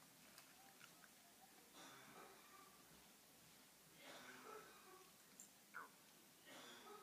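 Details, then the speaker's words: Adult man who is ill coughs three faint, muffled times some distance away, over quiet room noise; ordinary cough. "on entend mon mari tousser. Et oui, il est malade."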